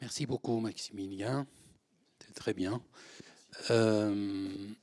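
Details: Adult man speaking French; normal voice.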